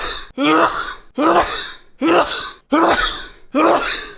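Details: A person sneezing during a live stream: loud, forceful bursts in quick succession, each with a voiced onset, repeated sneezing.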